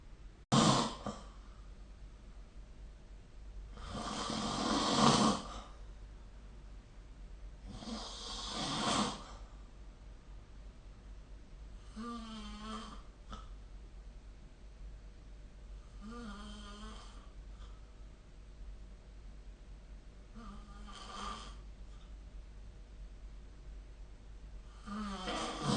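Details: Snoring during sleep recorded with the SnoreLab phone app: repeated snores about every four seconds, some harsh and rushing, later ones more buzzing and tonal.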